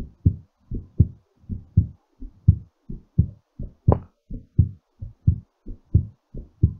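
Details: Normal heartbeat slowing during recovery after exercise: fast, regular paired heartbeats at about 86 a minute.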